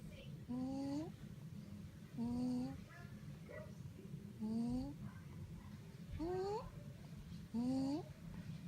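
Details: Dog's stridor: harsh, high rising squeal on each breath, about 35 breaths a minute.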